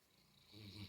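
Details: A short, rising, rough snoring breath from a sleeping Mastiff dog wiggling while dreaming; snoring.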